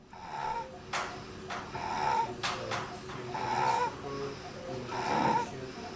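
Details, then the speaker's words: Child with stridor, abnormal airway, retractions and difficulty breathing: harsh, high-pitched noisy breaths recurring about 38 times a minute, typical of narrowed upper airway. "What you can hear, and what you see is that the patient clearly has stridor, so their airway is not normal."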